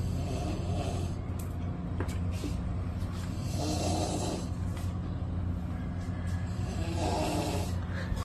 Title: He didn’t snore he was dreaming he was a “TRACTOR” 😂🤣🤭 #shorts #funny #short #snoring #fyp #lol